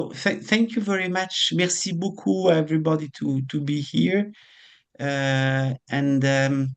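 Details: Adult speaker; no speech disorder.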